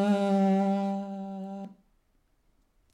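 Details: Rough voice onset with subharmonics and voice breaks, probably falsetto phonation, otherwise good voice with harmonics up to 4000 Hz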